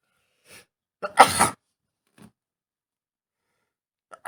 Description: It's day three of my boyfriend's cold and he is a sneezy mess, we only just woke up and he had a wet fit in the bed next to me.